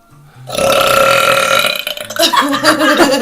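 One long, loud, rumbling burp with some music in the background.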